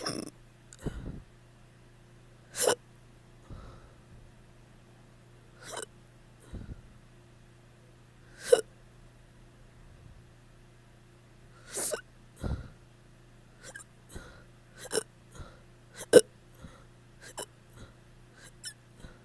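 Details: Hiccups after drinking too much the night before: sharp, abrupt gulping hiccups recurring irregularly, roughly eight a minute, in a quiet room.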